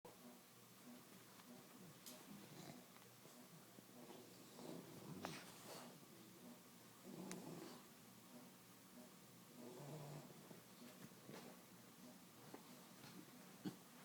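Soft, irregular snoring and snuffling breaths from sleeping dogs, with a few snorts and quiet room noise.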